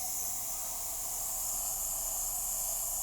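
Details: Nebulizer delivering salbutamol through a mask to a woman on dialysis for kidney failure, with wheezing in both lungs that is worse on the left: a steady, even hiss with no other clear sounds.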